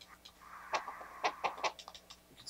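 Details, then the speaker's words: Pulsed-wave Doppler blood flow signal acquired in live mode on a GE Voluson i portable 4D ultrasound machine during training: rhythmic pulsing whooshes with faint hum, each burst marking a pulse. "sorry there's also an audio here we can change the volume by pressing these buttons once we get into live mode let's go ahead and get our Doppler signal"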